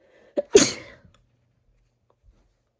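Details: Induced sneezing in a female: a quick in-breath followed by one sharp, explosive sneeze, then silence.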